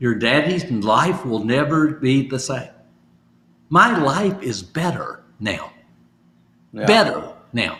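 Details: Adult stroke survivor with aphasia (post-stroke), in recovery and doing home therapy practising phrases from sticky notes; aphasia.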